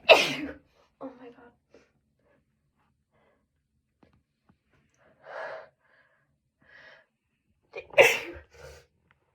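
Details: Two loud, explosive sneezes separated by quiet, breathy build-up sounds, each a sharp burst with a short trailing exhale, finally released after a struggle to sneeze during illness or allergies.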